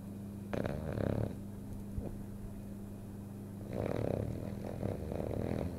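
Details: French bulldog snoring while asleep and dreaming: two long, rattling, snorting snores a few seconds apart, with a steady low hum in the room.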